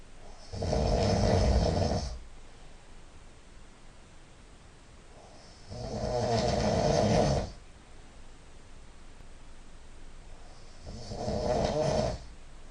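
Loud, rattling snores about 12 times a minute, each lasting one to two seconds, with quiet breathing between them; heavy snoring.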